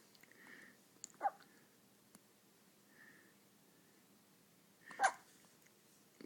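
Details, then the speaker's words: Two short, sharp, quiet hiccups a few seconds apart in a quiet room, with faint coos between. "Change the world, aren't you, buddy? As soon as you get over the hiccups."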